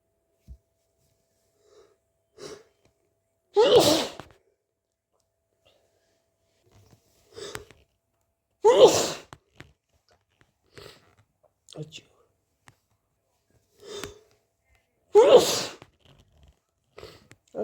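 Three loud explosive sneezes, each preceded by short catching inhalations and sniffs, with a congested, stuffy quality.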